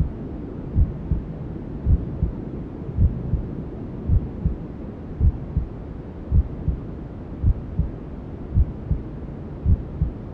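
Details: Simulated newborn sleep-aid ASMR: regular soft low thumps at about 54 a minute over steady white-noise hissing, a mother's heartbeat and womb sounds as heard from inside the womb; maternal heartbeat with white noise.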